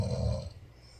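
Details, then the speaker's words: Person snoring at about 5 a.m.: one low, rattling snore lasting about half a second on a single breath, then quiet room noise. "한 박자 수고. 한 박자 코를 고는데요. 원래 코를 두 명이 골라서 한 명이 골면 한 명이 고. 한 명이 쉬면 다른 한 명이 오는 합주."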